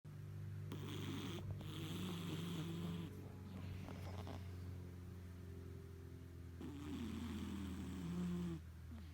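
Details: Two loud, rough, rattling snores from a cat, each about two seconds long, over a steady low background hum.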